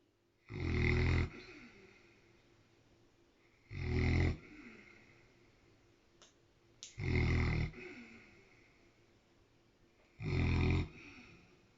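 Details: Loud snoring during sleep, louder than usual today, in a patient wearing an Elizabethan collar to stop it licking out its sutures. Four loud, rough snores about every three seconds (about 19 breaths/min) with quiet breathing between.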